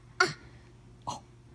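Two short, rough throat noises from a young child, a deliberate imitation of burping that sounds like throat clearing.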